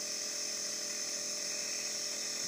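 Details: Boy using his nebulizer for breathing trouble and said to be breathing better: steady high-pitched mechanical hum and hiss of the nebulizer compressor running continuously.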